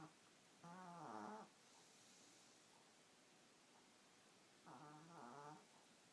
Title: Snore Puppy!